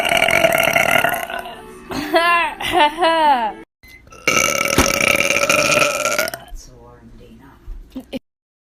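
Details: Girl burping: long, loud, drawn-out voiced belches with a gurgling quality and short gaps between, music and applause behind; repeated burping.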